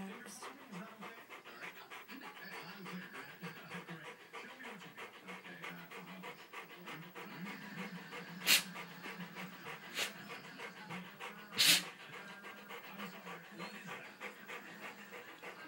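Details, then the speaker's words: Dog that has seizures about every six months, mid-seizure with back legs affected: rapid, continuous shallow panting with a few sharp background noises. "This is breathing for this one. Yeah, it's okay. It's gonna be okay."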